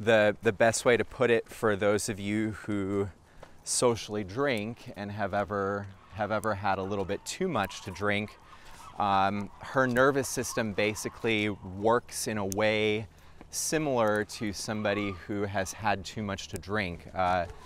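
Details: Adult male speaker; typical adult speech.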